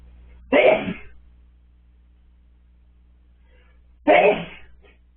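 Two sharp, explosive sneezes about three and a half seconds apart in a quiet room.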